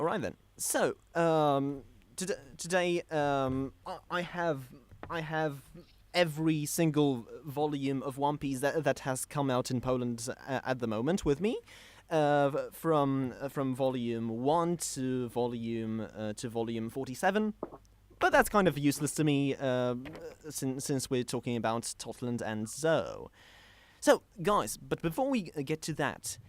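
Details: Stuttering in a male podcast host who describes himself as a stammerer.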